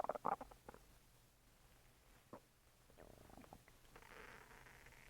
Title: my stomach is making more noises